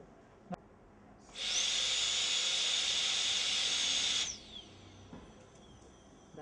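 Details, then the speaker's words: Dry cutting (no water spray) with a high-speed dental handpiece during a molar crown preparation for a PFM crown: a steady high-pitched whine for about three seconds, then spin-down. Dry cutting leaves a rougher finish than cutting with water. "all right now this would be a little rough why because I have done dry cutting all right I want you guys to probably use water if you feel to it'll give you a much better smoother finish"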